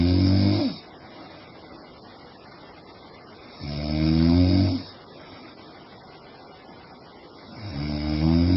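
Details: Loud, deep, buzzing snores on each in-breath, about 15 breaths a minute, with quieter breathing between, from a sleeping woman; ordinary snoring.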